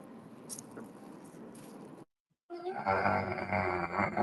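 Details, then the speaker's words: Person snoring during a podcast recording: low room noise, brief silence, then a deep, rough, vibrating growling rumble likened to a bear; snoring. "Fuck is that? Is somebody Me, snoring? it's my bad. That Sound is like somebody motorboating some titties."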